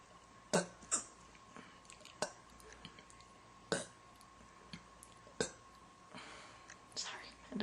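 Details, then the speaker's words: Girl with hiccups: quiet, sharp hiccups at irregular intervals, about one every few seconds, with a soft burp among them and a steady background hum. "When you think they're over, they're not. Think they're over. Or not."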